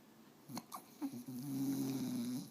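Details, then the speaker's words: Sleeping, tired dog Louie who also has hiccups: a few short catches, then a drawn-out, buzzing, droning snoring breath. "Are you so tired, Louie? You have the hiccups. And you're snoring."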